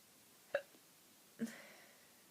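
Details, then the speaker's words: Person with a bout of hiccups, the first in over a year, which won't stop; two brief, sharp hiccup sounds about a second apart in a quiet room. "all right so I have that hiccups right now and I just wanted to show you this sucks oh my god I had the hiccups in over a year up so it's kind of irritating this sucks"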